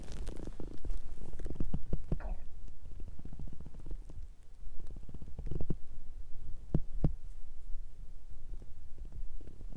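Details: Strong stomach growling from a woman's belly while she is hungry and digesting, also recorded during her menstrual period: repeated gurgling, bubbling bowel sounds (borborygmi).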